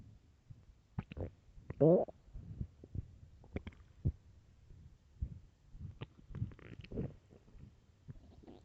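Irregular gurgling, rumbling and squeaky growls from an empty stomach; ordinary hunger-related bowel sounds.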